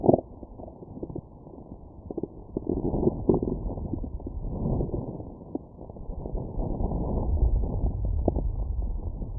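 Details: Stomach growling after eating McDonald's, heard through a Stemoscope stethoscope on the abdomen: low, irregular gurgles and rumbles, active normal bowel sounds of digestion.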